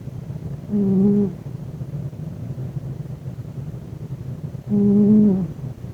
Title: 😺Parker the Cat Snoring